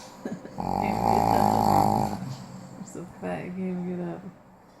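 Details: Snoring from a pregnant pug: loud rattling, vibrating snore followed by a shorter snorting breath, typical noisy flat-faced dog snoring.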